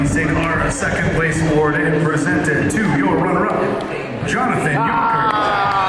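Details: Adult male announcer over a PA system; normal voice.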